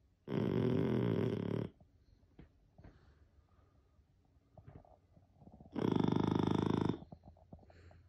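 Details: French bulldog "snoring war": two long, loud buzzing snores about five seconds apart, with soft snorts and snuffles between; snoring in a flat-faced dog.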